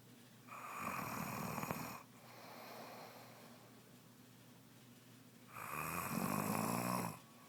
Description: My wife developed a snore soon after becoming pregnant. I need my own room.